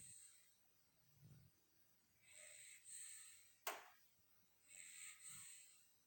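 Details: Sleeping dog snoring in a quiet room: repeated hissing, snorting breaths with a brief low snort and one sharp click.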